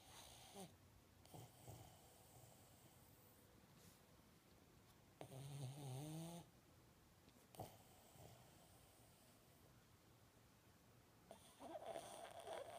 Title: Tini snoring